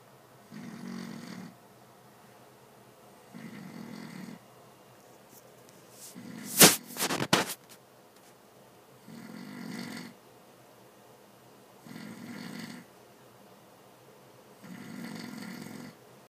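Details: Regular rasping snores about every three seconds, near 20 a minute, with one louder burst of noise partway through.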